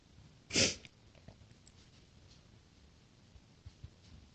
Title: more chhinkni sneezes